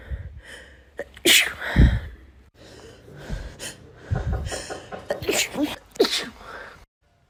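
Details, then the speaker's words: A woman with a sneezing attack: sharp inward gasps followed by forceful explosive sneezes, a few in a row. "Already done 50 sneezes, but there's another one coming."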